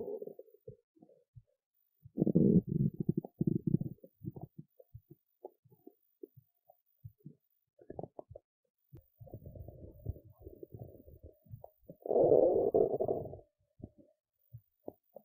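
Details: Hunger stomach noises after skipping lunch: low gurgling and rumbling abdominal bowel sounds in irregular bursts, with short pops between them.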